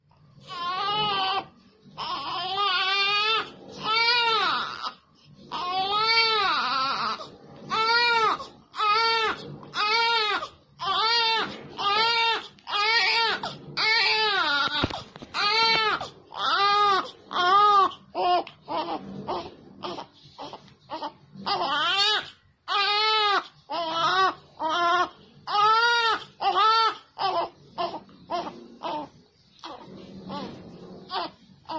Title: Why baby cry😘